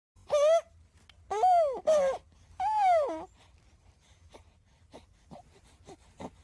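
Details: Three short, arching cries and coos, followed by soft breathy grunts and small sounds, from a newborn baby boy; normal newborn vocalizations.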